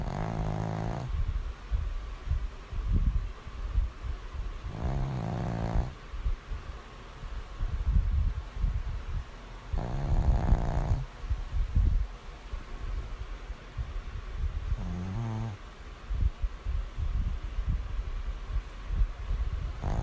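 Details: Deep, low rumbling snores recur about every five seconds, roughly 12 a minute, over steady room noise; ordinary snoring.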